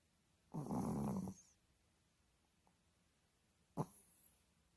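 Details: Female pet dog snoring in sleep: one long, rough, rattling snore, then a shorter snort a few seconds later, in a quiet room.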